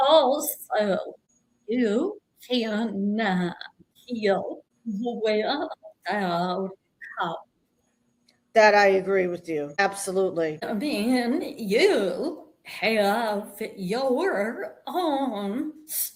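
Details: Vocal tremor in an adult woman, which she attributes to more than 50 years of narcissistic abuse and trauma that began at age five with her father and continued through abusive relationships; a real, not acted, condition.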